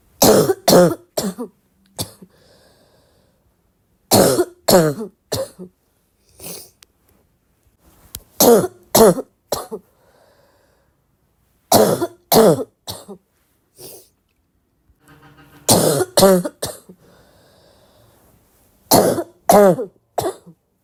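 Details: Adult, bothered while trying to read: repeated bouts of harsh, loud coughing; barking cough.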